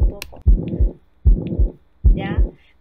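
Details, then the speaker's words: Six-year-old girl, normal saturation: three heartbeats about 75 a minute with a harsh holosystolic murmur filling systole, heard at the lower left sternal border; ventricular septal defect, likely perimembranous, that did not close. "entre un solo sin tónico para este en el izquierdo abajo también corresponden una comunicación interventricular que no cerró ya la más frecuente la comunicación interventricular peri ven veranos a que a veces tiende a cerrar"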